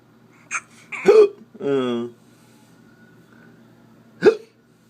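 Two abrupt, sharp hiccup bursts a few seconds apart, with a brief voiced sound between them.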